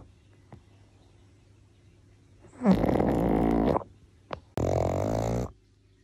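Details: Two loud, rattling snorts of about a second each from a sleeping pug, with quiet room between them; snoring.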